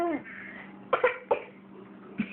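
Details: Cough.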